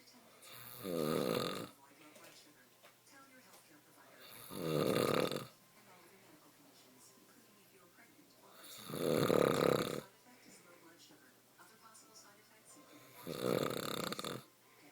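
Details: Four loud, rough, rattling snores from an adult man during sleep, about four seconds apart, roughly 15 breaths a minute, with quiet pauses between: snoring.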